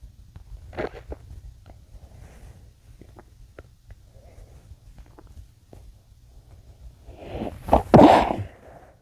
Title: muffled sneezes (m)